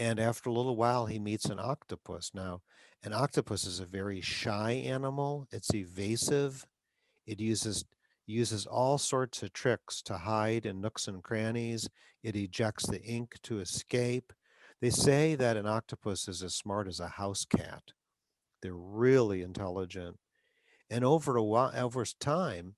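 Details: Adult male speaker; typical speech.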